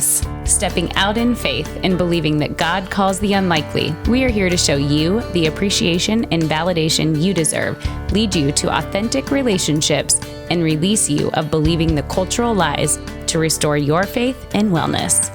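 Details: Adult woman speaking; normal speech.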